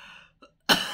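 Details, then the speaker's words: Cough after a breathing manoeuvre (inhale, hold two seconds, inhale again), said to bring up phlegm: a single sharp cough burst after a quiet pause, a productive cough. "tuh teman-teman saya langsung ada reaksi dahak keluar ketarik bisa dengar tadi begitu engak hentak kan"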